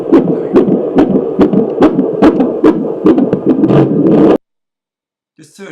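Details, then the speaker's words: Handheld Doppler over a pregnant woman's abdomen, halfway between umbilicus and anterior superior iliac spine; baby head down, back thought to be left; fast rhythmic whooshing fetal heartbeat about 140 a minute, described as happy and strong, then silence. "this baby's happy good strong heartbeat"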